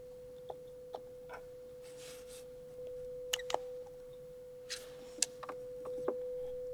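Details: Pure-tone audiometry tones with masking noise from a hearing test by an audiologist, recorded binaurally to be heard on headphones.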